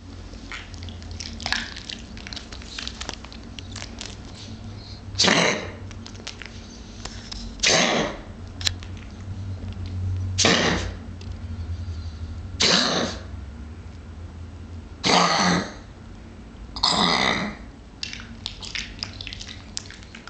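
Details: Six harsh, noisy cough bursts at fairly even intervals of about two and a half seconds.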